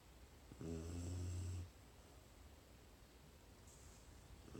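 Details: Dog snoring.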